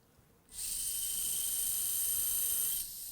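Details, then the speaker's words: Steady high-pitched whine of a 13 mm, 3.3 mm-diameter form drill running about two seconds, preparing bone for a late single dental implant; dental implant drill. "next step is the form drill and now we use a 13 millimeter drill and we start with the 3.3 diameter"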